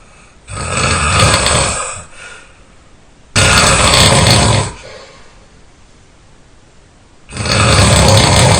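Three very loud, rough, rattling snores on inhaling, about 14 a minute, with quiet breathing out between them; heavy snoring.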